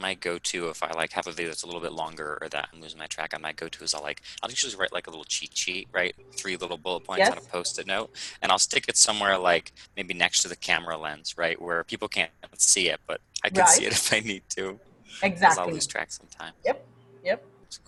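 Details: Adult speaker in conversation; ordinary conversational speech.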